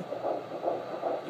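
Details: Rapid, regular whooshing pulses of a female fetus's heartbeat on Doppler, about 155 beats a minute.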